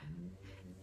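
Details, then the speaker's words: Pet snoring on the sofa after 20 minutes outside in the garden: a soft, low rumbling snore fragment; owner jokes it is dying but it is just resting. "Vous entendez le ronflement, c'est Croque-Mou. Il est au bout de sa vie. Il est sur le canapé en mode je vais décéder."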